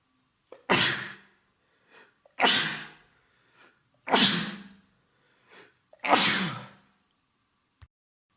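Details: Adult male with a head cold, congested and runny nose and sore throat, over three days: four forceful sneezes about two seconds apart, each preceded by a short inhalation; repeated cold sneezing.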